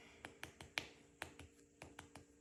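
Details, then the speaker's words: Head-to-toe assessment of a male patient taking a deep breath: about eight light, hollow percussion taps over the left side near the sixth intercostal space, with a rustle at the end; tympany over the spleen, the expected normal. "throughout this entire process you should hear timpani um as part of this process we want to make sure we also percuss the we also for custody spleen which is going to be on the left side uh closer to the sixth intercostal space"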